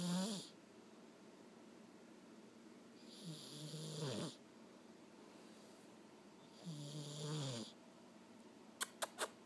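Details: Female cat snoring during sleep: soft, rasping snores with a low buzzing tone, three breaths in under ten seconds, then a few light clicks.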